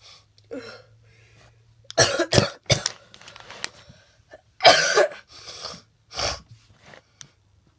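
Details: Adult with a cold, nasty cough and very snotty nose gives about five harsh coughs in short bursts, with quieter breathing and sniffing between them: cough from a common cold.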